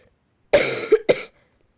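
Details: Single short, somewhat harsh cough in two bursts in a quiet room, from a girl who says she is ill.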